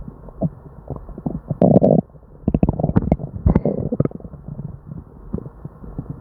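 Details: Upset, non-stop stomach noises in a person with diarrhea: hyperactive bowel sounds (borborygmi).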